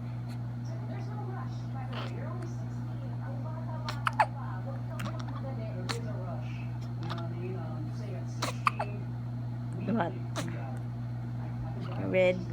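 Several short, abrupt voiced catches spaced a few seconds apart over a quiet room hum, fitting hiccups.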